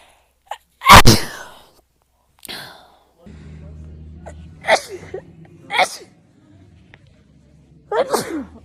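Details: Several sharp sneezes, one loud and the rest quicker, with brief talk and an exclamation between them, from a compilation of one person's rapid repeated sneezing.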